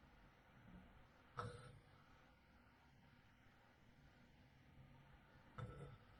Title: Soft night i recorded my husband snoring • Peaceful Night Sleep Sounds – Real Recording